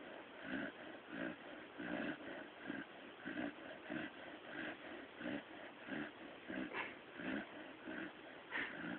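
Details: Sleeping new pup (dog) snoring.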